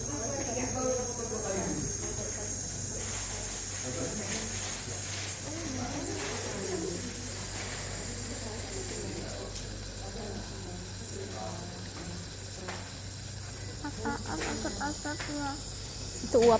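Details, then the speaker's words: Steady hiss of a nebulizer treating a young child's persistent cough, with an adult softly explaining that the medicine eases breathing and that the session lasts about 10 minutes, inhaled through the nose. "namanya itu ada obatnya nanti napasnya lega enggak batuk lagi"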